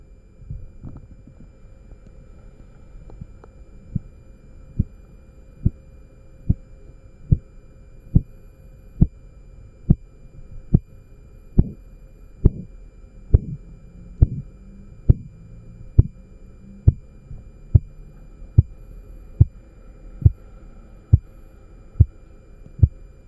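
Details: Korotkoff sounds during indirect blood pressure measurement: regular, low thumping taps at about 68 a minute, growing louder, heard over the arm as the cuff deflates.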